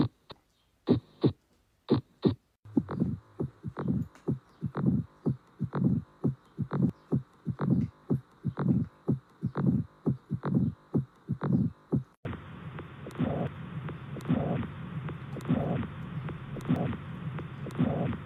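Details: Heart sounds, regular heartbeat at about 60 beats a minute; a hiss joins the beats in the later part.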